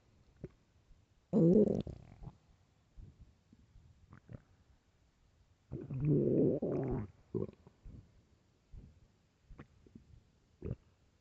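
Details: Loud hunger stomach growling (borborygmi): two loud gurgling growls with warbling pitch and faint clicks between them.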